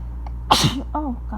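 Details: Sneeze set off by tickling the nose with a feather for the first time: a single sharp, explosive sneeze with a brief voiced sound after it.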